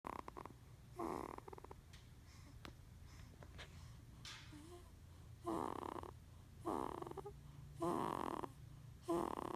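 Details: Sleeping 15-day-old baby girl making irregular snorting and grunting noises with her breaths, about 50 per minute, sounding like snoring and grunting at once.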